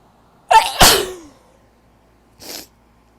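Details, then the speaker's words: Sneezy for the last few weeks, possibly from pollen or dust (uncertain): sharp in-breath, loud explosive sneeze, then a softer partly stifled one; repeated sneezing. "like I've been Sneezy um the last few weeks I think it's because of the pollen or like maybe dust or my C I don't know"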